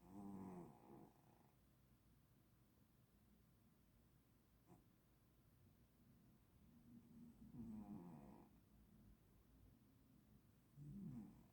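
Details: Cat snoring: soft, fluttering snores on slow breaths, three over about eleven seconds, in a quiet room.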